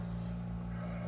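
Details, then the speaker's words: Oxygen concentrator used for puppies, running at one liter per minute at 90% oxygen: a steady, low, quiet motor hum, a normal operating sound. "okay now it's running so it's running now one liter per minute at 90 oxygen you can hear it's pretty darn quiet"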